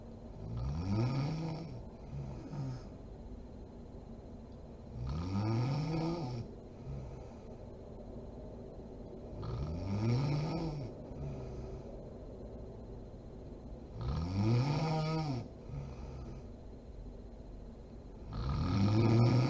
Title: SNORING MOM SLEEPING ASMR SERIES PART 39